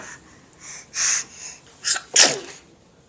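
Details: A young child laughing and sneezing while sitting in a seat: a few short breathy bursts, then a sharp sneeze.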